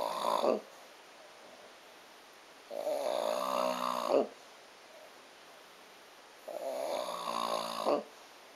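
Rhythmic rough, buzzing snores on breathing in, about three in eight seconds with quiet gaps between them, typical of ordinary snoring.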